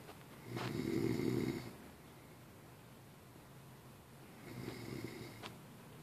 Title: snoring